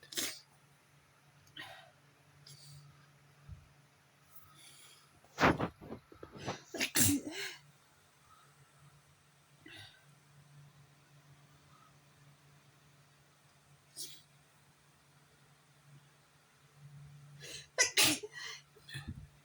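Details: Bout of repeated sneezes in close bursts, with quiet room noise and a low hum between them; sneezing attributed to a bad allergy day.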